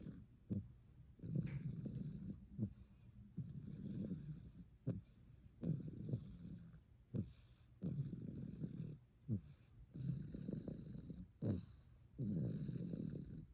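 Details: A very tired sleeping puppy makes low, rumbling snores on each breath, about 14 breaths a minute, with soft snorts and a faint high tone in the background; snoring.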